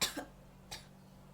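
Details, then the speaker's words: Effective-cough technique in nursing practice with an adult female patient: after deep breaths in and out through the mouth, two forceful voluntary coughs in quick succession to clear the airway. "Ibu tarik napas, keluarkan lewat mulut. Ibu bisa batuk yang kencang."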